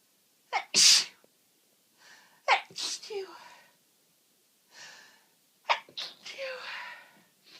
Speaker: Achoo. Achoo. Achoo. I am full of cold again. I'm so sorry, I really can't control.